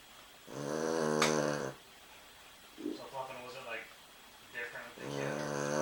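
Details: Sleeping dog snoring: snorting, buzzing snores with softer snuffling sounds between them.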